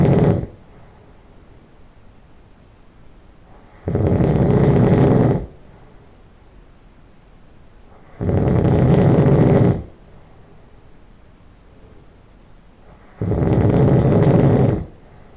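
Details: Person who just fell asleep, loud nasal snoring: rough snores on each breath in every four to five seconds (about 13 a minute), with quiet pauses between.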